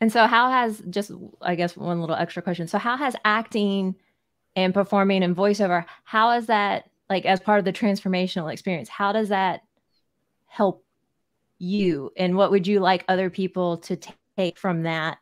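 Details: Adult woman; normal speech.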